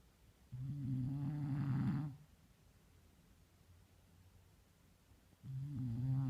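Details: A sleeping subject snores loudly: two low, rumbling snores about five seconds apart, each lasting over a second, separated by quiet breathing pauses; snoring.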